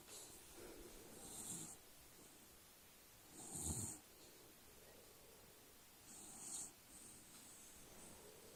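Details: Quiet, irregular snoring breaths with soft snorts, about three in eight seconds, over steady hiss, from a dog: snoring.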